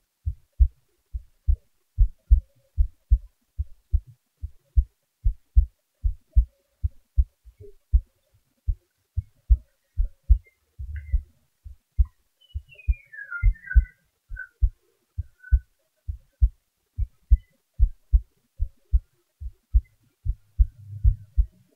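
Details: Self-recorded heartbeat with boosted volume: steady, low, thumping beats at about 75 a minute, an unhurried rate.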